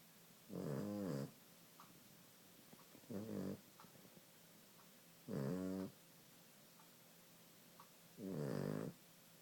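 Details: Maltese dog snoring in sleep: four rumbling, buzzing breaths about two to three seconds apart with quiet gaps.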